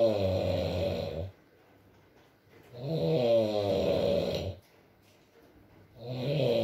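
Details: Adult male sleeping, long loud buzzing vibrating snores separated by quiet gaps, about 18 a minute, with rain in background; snoring.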